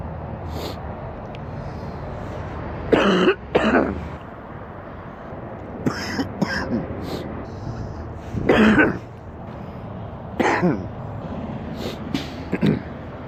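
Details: Sick adult man with an extremely stuffy nose gives several deep, rattling coughs and throat clears: a wet, productive cough.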